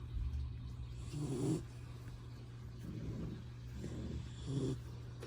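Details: Retriever puppy, adopted three days earlier, asleep: soft, low rumbling snores recurring every couple of seconds over a steady background hum; ordinary snoring in a sleeping puppy.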